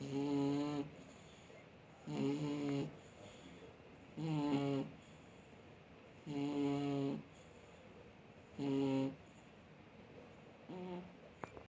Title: Кот храпит как взрослый мужик / Snoring cat does it like a man